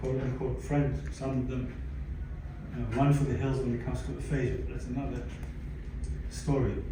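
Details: Aphasia in a 62-year-old man, acquired after a stroke in December 2011 that followed a cardiac ablation for arrhythmia; affects languages and speech; attending speech therapy at an aphasia center.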